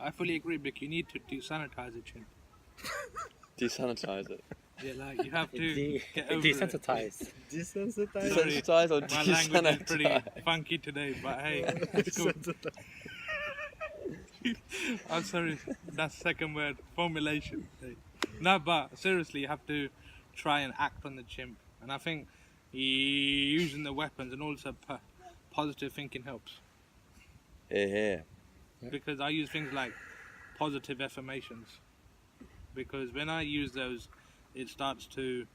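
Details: Adult who stutters, taking part in a stuttering support group discussion; stuttering.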